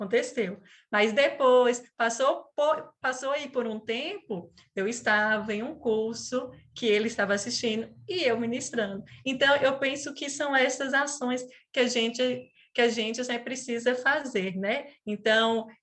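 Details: 37-year-old woman who stutters, onset at age 4, father and brother also stuttered; she calls it a neurobiological speech disorder; stuttering.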